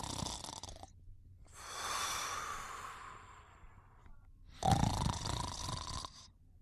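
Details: Noisy, rasping snoring breaths from a sleeping animal, with a longer airy breath between two rougher bursts.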